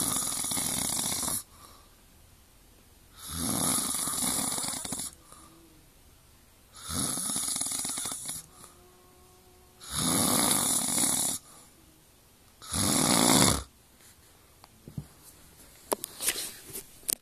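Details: Heavy snoring: five loud, harsh, rasping snores at regular intervals, about 20 breaths a minute, with quiet gaps between.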